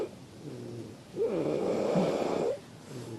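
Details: Person snoring during sleep on a reality-show set: a single loud, rough inspiratory snore against soft breathing and room noise.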